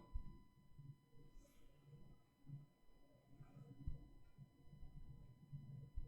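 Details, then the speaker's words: Normal bowel sounds heard through a stethoscope over the abdomen during a nursing primary assessment: soft, irregular low gurgles and clicks. "And so, what we generally listen to is we listen to bowel sounds. We'll listen to some bowel sounds here. Here's a normal bowel sound."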